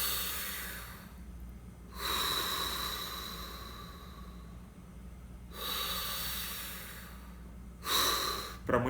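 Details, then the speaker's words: Deep, forceful, audible breaths drawn in and blown out fast: freediver's demonstration of above-normal ventilation (not quite hyperventilation) moving more volume in less time, lowering body carbon dioxide. "gente isso é uma inspiração que não seria considerada a hiperventilação mas ela já é acima da normalidade já que o movimentado mais volume à no menor espaço de tempo estou fazendo assim uma lavagem diminuindo a quantidade de gás carbônico no meu corpo"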